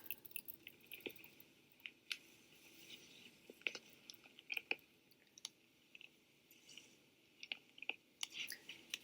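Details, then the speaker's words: Irregular crackling, crunching, grinding and popping clicks from a moving knee joint; knee crepitus. "you could hear that that is what crepitus sounds like it feels like just a grinding or I would explain it as a ratcheting feeling that is not comfortable at all"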